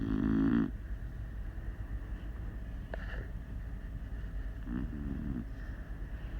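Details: Snoring in a sleeping Beagle, loud like a freight train: two rattling, low-pitched snores, one loud at the start and a softer one later, over quiet room noise.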